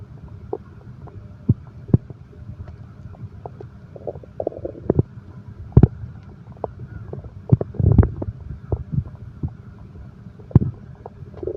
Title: insomnia terapi ( sound heartbeat and stomach growl)